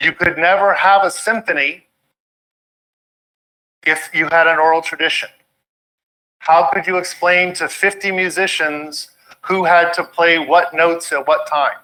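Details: Adult male speaker; normal speech.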